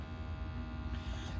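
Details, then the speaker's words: iHealth Neo wireless upper-arm blood pressure cuff tightening on a woman's arm: a steady low motor hum as it pumps up during the reading, which gives 113/79 with a pulse of 58. "So as it's reading, it takes a while. Of course, it's tightening on your arm, and that's her blood pressure."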